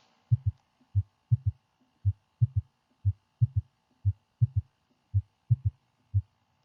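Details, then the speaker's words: Third heart sound (S3 gallop), early diastole, from sudden deceleration of blood flow into the left ventricle from the left atrium; teaching demonstration. "La repentina deceleración del flujo sanguíneo en el ventrículo izquierdo desde la aurícula izquierda produce el tercer sonido cardíaco."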